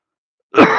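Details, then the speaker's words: Single sudden voluntary cough from an adult man after silence, recorded while demonstrating noise-cancelling over saw noise. "And you can hear me cough as well when I cough."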